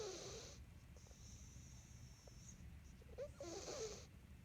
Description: Cat who snores when he sleeps